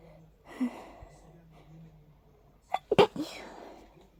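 Soft catching in-breaths build to one forceful sneeze. The sneeze comes from hay fever.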